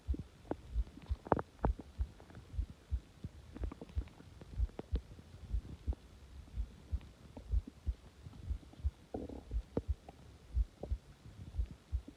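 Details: Quiet, low abdominal gurgles and soft thumps with a brief gurgle burst near the end, subtle stomach growling recorded after a failed video attempt; bowel sounds.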